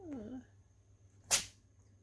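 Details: A soft sleepy vocal sound, then one short, sharp hissing burst: a sneeze from an old, groggy gray tabby cat just woken from sleep, in a quiet room.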